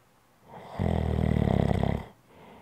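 One loud, rattling snore on an in-breath, about a second long, between quiet breaths; ordinary snoring.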